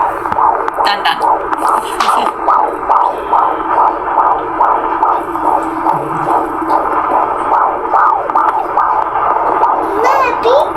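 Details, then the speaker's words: Doppler fetal heartbeat at about 30 weeks' pregnancy, voice recording from a prenatal appointment: rapid, regular whooshing pulses about 140 a minute, reported as normal. "Ayan guys, ayan ang heartbeat ni baby. Normal naman kaya ayun."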